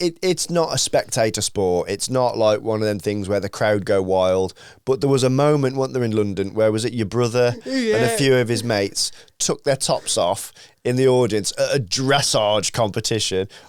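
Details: Adult male speaker; ordinary speech.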